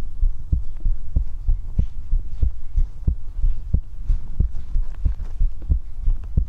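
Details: Steady low thumping heartbeat at roughly 90 beats a minute, with paired beats and a faint background hum: normal heartbeat.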